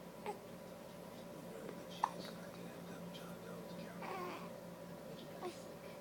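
Brief, soft, sharp catches of breath at irregular intervals, about four in six seconds, over quiet room noise; hiccups.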